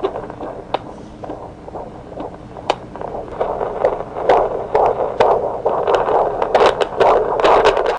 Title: Medical Videos - Fetal Heart Sounds - Obstetrics and Gynecology